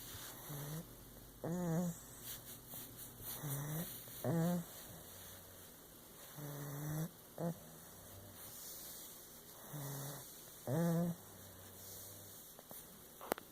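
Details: Sleeping dog: irregular nasal snorts and squeaky, whining snore sounds, with quiet gaps between; snoring.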